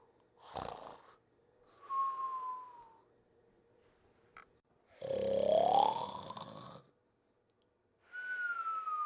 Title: Bentley Sleeping & Snoring